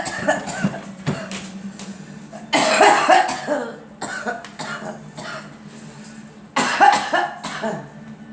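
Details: A girl gives several short bursts of coughing, some in quick runs, over a steady low room hum; cough.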